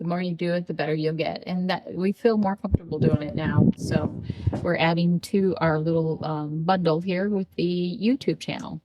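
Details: Adult woman speaking; typical speech.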